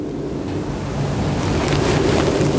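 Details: Soft, steady rushing of a deep breath heard through a warmed stethoscope diaphragm, patient breathing on request, then a brief spoken prompt; teaching demonstration of normal breath sounds.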